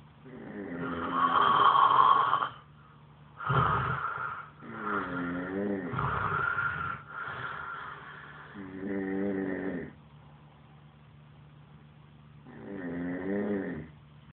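Loud, rough, vibrating snores with long pauses between them, in a quiet room. Snoring.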